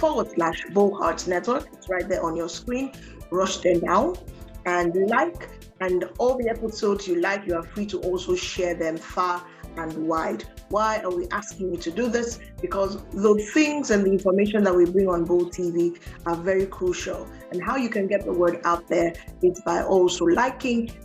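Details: Adult speaker; normal speech.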